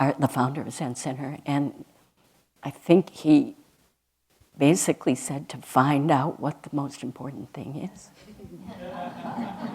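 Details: Adult woman speaking; ordinary speech.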